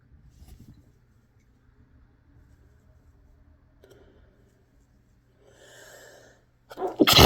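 Quiet breathing and a soft intake, then a sharp explosive burst at the end: a single sneeze.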